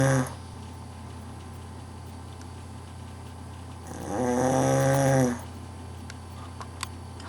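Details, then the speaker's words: Man snoring, recorded to show him how he snores: a single loud rattling snore over steady room hum, with a brief noise at the start. "hot just thought I'd let you see how you snore"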